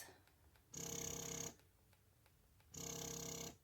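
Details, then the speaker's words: Two buzzing motor bursts about two seconds apart with quiet gaps: Motif Luna double electric breast pump in expression mode, cycles adjustable 30–46, demonstrated by a pregnant mother. "that right there y'all i don't know if you can hear it but that is some pretty good suction even someone like me who needs a pretty good suction in a pump i don't think i will ever use it on 12."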